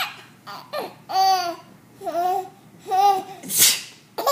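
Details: A 4-month-old infant laughs and babbles, then an adult gives one sharp, noisy sneeze near the end (sneezing on purpose) and a brief laugh follows; sneezing.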